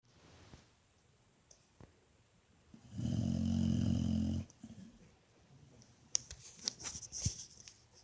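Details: Pit bull napping, giving one loud, low, rattling snore on an inward breath, then quieter snuffling breaths; snoring in a quiet room.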